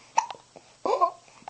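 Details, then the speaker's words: Loud hiccups: a sudden short catch of breath followed by a brief voiced sound, with light room noise. "what are we going to do with those hiccups what oh boy oh boy what where'd you get those hiccups huh where'd you get them those are loud ones"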